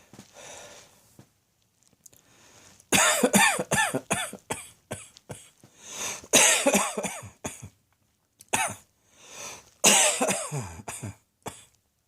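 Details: Repeated harsh coughing bouts in a quiet room, about four bursts of several coughs each, with throat clearing; a forceful cough.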